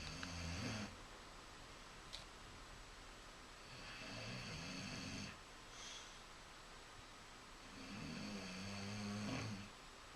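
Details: Snoring: soft, rough snoring breaths, about three in ten seconds, under a steady hiss of background noise.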